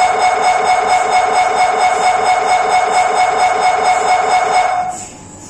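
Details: MRI scanner inside the scan room: loud, rapid electronic buzzing pulses at about two a second, then an abrupt stop; typical scanner noise.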